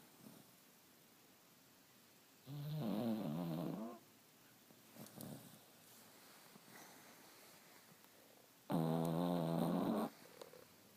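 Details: Sleeping dachshund snoring: two loud, rattling, low-pitched breaths about six seconds apart, with quiet breathing between, in a small room.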